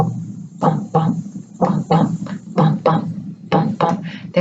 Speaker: do you know what a heartbeat sounds like do you want to hear